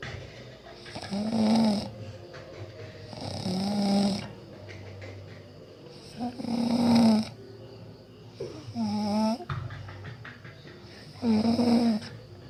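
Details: Snoring of a sleeping person: loud rattling snores on each breath, about five in twelve seconds, with quiet gaps between them.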